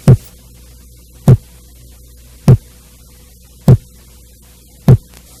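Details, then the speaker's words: Regular, short, sharp heart sounds about 50 a minute; normal second heart sound (S2) from aortic and pulmonary valve closure, higher-pitched and shorter than S1, following a short pause. "a segunda bolha vem depois de um curto se leste corresponde ao fechamento das válvulas aórtica e pulmonar o som da segunda bolha é mais agudo e sua duração é menor quando comparada à primeira bulha"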